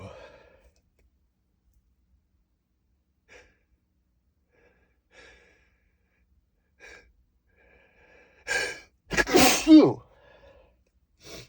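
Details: Quiet in-breaths build to a sharp, forceful sneeze that is partly held back and muffled, then a brief exhale; one of a series of stifled sneezes too strong to hold in.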